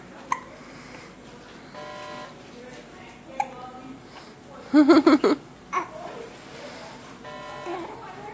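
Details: Hiccups in a baby girl sitting on the bed: several sharp, abrupt gulping sounds, one a quick cluster, over quiet room noise.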